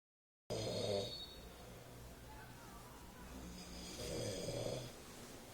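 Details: Two people snoring after less than 40 minutes of sleep, arriving home near 5 a.m. after a festival: two rough, noisy snoring breaths a few seconds apart over low room hum.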